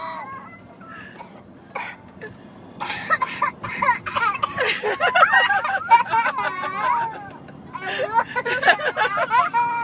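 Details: Identical twin boys laughing hysterically at the word "bobo": high-pitched laughter bursts broken by short coughs between laughs.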